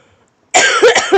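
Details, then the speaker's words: Adult's cough during a live stream, described as a crazy cough: silence, then an abrupt harsh burst followed by two or three quick rough expulsions. "I got this crazy cough."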